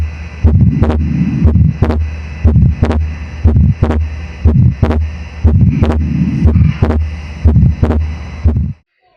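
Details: Fixed split second heart sound on a heart simulator at the pulmonary area, about 60 a minute; first sound, a small crescendo-decrescendo midsystolic murmur, then a split second sound whose separation stays the same on inspiration and expiration.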